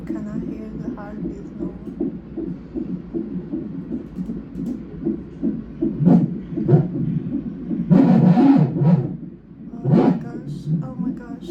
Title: 37 Weeks Twin Pregnancy 🤰 Non Stress Test: heartbeat Sounds